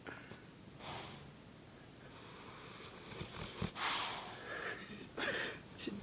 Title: Boss Snoring